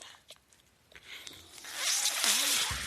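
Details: Mechanical ventilator breath cycle: the speaker's own home ventilator gives quiet clicks, then a rising rush of airflow hiss with a brief whistling glide, while he introduces his podcast.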